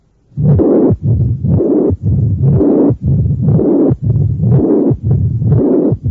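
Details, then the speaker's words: Apex auscultation, review example 13 of a cardiac auscultation teaching recording, about 60/min: S1 and S2 not prominent, loud high-pitched slightly harsh systolic murmur plus mid-diastolic and presystolic rumbles: mitral stenosis with mitral regurgitation. "hay un soplo sistólico e intenso de tonalidad alta pero ligeramente áspero además de soplos retumbantes en la mesa diástole y pre sístole estos hallazgos corresponden a los de estenosis mitral con insuficiencia amb"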